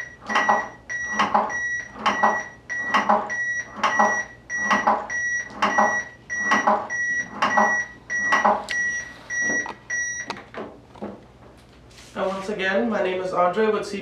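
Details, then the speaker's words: XFT AED practi-trainer, simulated: regular electronic beeps, then voice prompts for rhythm analysis, "shock advised", charging, "press the orange button", shock delivered, begin CPR. "heart rhythm do not touch the patient shock advised charging stay clear of patient deliver shock now press the orange button now shock delivered begin cpr"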